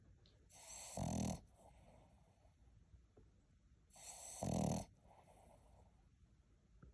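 Two rough, rattling snores on the breath in, about 3.5 seconds apart, with quiet breathing between; puppy snoring during sleep.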